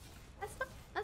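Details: Woman with quiet hiccups, three short soft squeaky catches in quick succession, recurring despite drinking water; hiccups.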